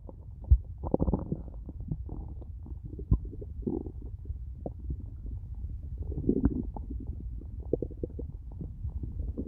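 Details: Quiet, irregular low gurgles and squelches with a few faint pops: soft stomach growling (borborygmi).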